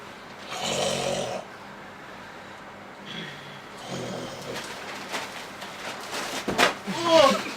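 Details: Snoring performed in a comedy sketch: rough rattling breath noises with a few irregular snorts.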